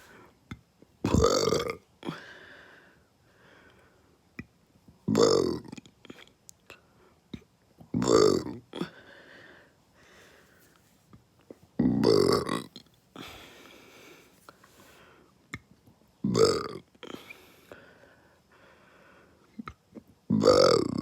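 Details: Six loud, forceful burps after eating fast food, one every three to four seconds, with quiet breathing and mouth sounds between: belching (eructation).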